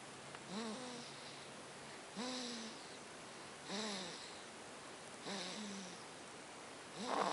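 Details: Child (son) snoring in sleep: soft, pitched snores with each breath, about 40 breaths a minute, over steady room hiss; quiet recording.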